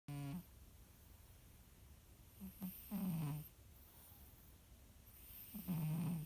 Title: Kitty snores